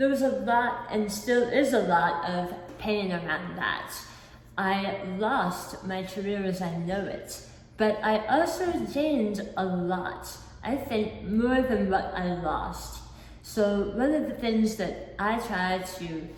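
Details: Articulation disorder with a lisp-like defect in an adult woman, acquired after a 2018 hemiglossectomy for oral cancer; about 50% of her tongue was removed and replaced with a flap tethered to her cheek.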